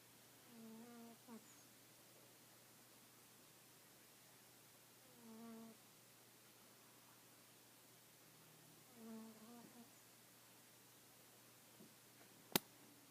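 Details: Female cat snoring loudly while asleep: three short buzzing, humming, bee-like snores about every four seconds in a quiet room. The owner says she has never done this before and suspects she was dreaming.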